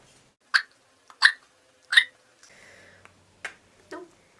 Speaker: What do you do when your ferret has hiccups? What are they caused by? Your guess is as good as mine because it's not really known how they occur in the first place.